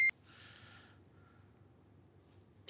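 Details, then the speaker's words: Adult AED analysing the heart rhythm during two-rescuer CPR, a short electronic beep then faint tones while it prompts "don't touch person, analyzing"; Red Cross training demonstration, shock then advised. "don't touch person analyzing clear be ready to deliver a shock if the AED determines one is needed"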